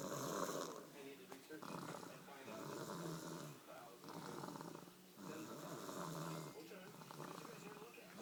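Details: One-year-old sleeping on Christmas night: loud, rough snoring breaths about every three seconds, with quieter pauses between them; snoring.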